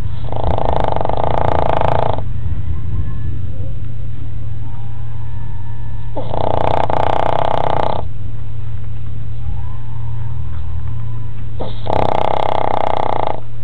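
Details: Snoring in a sleeping dog said to sleep 22 hours a day: loud, long rasping snores, three in about 13 seconds, with a steady low background hum.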